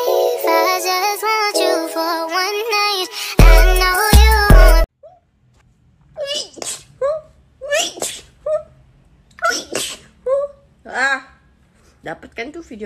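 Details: Young woman on TikTok having a repeated sneezing fit: music, then a run of short, high, squeaky sneezes with brief indrawn breaths between them; sneezing.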